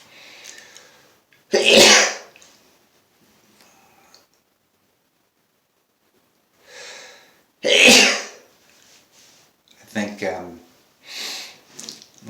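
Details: Man sneezing non-stop all day since the morning. Two forceful sneezes with quiet breathing and brief muttering between them, part of repeated sneezing from allergic rhinitis.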